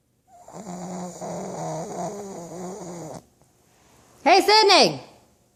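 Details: Pug dog snoring loudly while asleep, tongue out: long vibrating, snorting breath with buzzing quality, followed by a short loud vocal burst.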